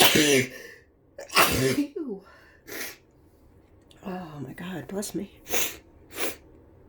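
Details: Repeated sneezing with an itchy nose, possibly during flu: a run of several explosive sneezes with short vocal sounds between them in a small room.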